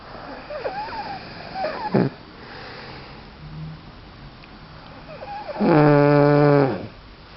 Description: Quiffy lying on the couch snoring his head off